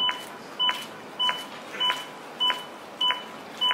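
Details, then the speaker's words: AED Plus defibrillator metronome during CPR demonstration: steady electronic beeps setting chest compression rate of 100–120 per minute, with 5–6 cm depth guidance. "Khi chúng ta nghe tiếng beep, tức là tần số ép để đảm bảo 100 đến 120 nhịp một phút."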